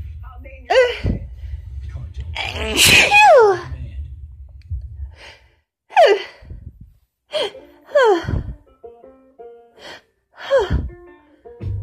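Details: Woman on day 4 of a cold combined with allergies, with a tickly nose: a run of about six forceful sneezes with gasping in-breaths between them over a low background hum; a sneezing fit.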